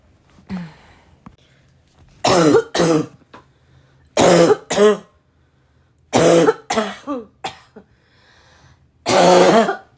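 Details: A girl coughing hard: harsh, forceful, raspy barking coughs, mostly in pairs and short runs, during a coughing attack, with throat clearing between them.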